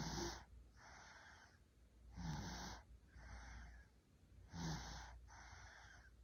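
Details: Steady, noisy breaths in and out during sleep, about 26 a minute, with a rasping, whistling edge; snoring.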